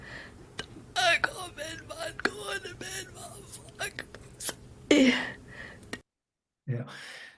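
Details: Patient with adductor spasmodic dysphonia, recorded before botulinum toxin treatment; finding: adductor spasmodic dysphonia.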